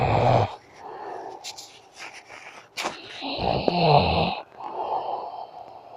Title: My snoring tito